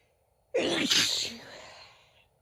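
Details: Female sneeze: one sharp breath-in, then a loud explosive sneeze that trails off; an ordinary single sneeze.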